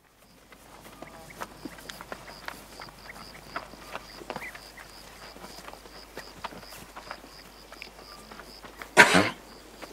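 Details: Single loud, harsh close-up cough from a Camargue feral horse in Camargue, France, after a stretch of bee-eater bird calls and outdoor clicks. Horse cough.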